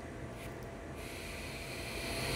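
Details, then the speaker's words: High-flow nasal cannula oxygen therapy on a spontaneously breathing patient; steady rushing hiss of gas flow at the nose with low rumbling. "ahí tenemos la canoa nasal de alto flujo esta es un paciente que respira por sí mismo"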